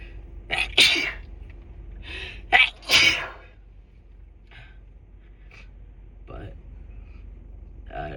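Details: Adult with a head cold caught from a partner, with a sore, raw red nose and an earlier sore throat, induces sneezes: two loud sneezes, each with a sharp inward breath before the burst, then quiet sniffling.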